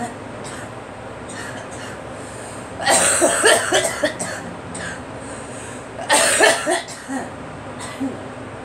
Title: Girl coughing